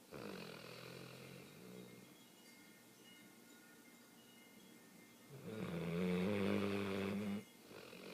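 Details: A woman snoring: a faint low rumble, then a louder vibrating snore of about two seconds on an inward breath, against quiet room noise.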